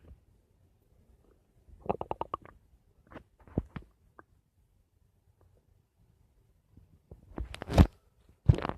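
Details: Stomach making noise: irregular gurgles, squeaks and low rumbles from the abdomen in a quiet room, louder churning gurgle near the end; borborygmi.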